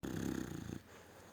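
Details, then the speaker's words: A dog in deep sleep gives one brief, loud, rattling low snore, then quiet; snoring. "snoring in a deep sleep."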